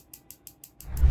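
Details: Regular sharp clicking pulses, about six per second, from a focused shockwave therapy device treating muscle pain in the back, given with a chiropractic adjustment in one session, with rising low handling noise.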